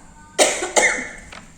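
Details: Two short, harsh dry coughs close together from an older adult complaining of an itchy throat and an odd voice, acted for an herbal honey cough-remedy testimonial; cough.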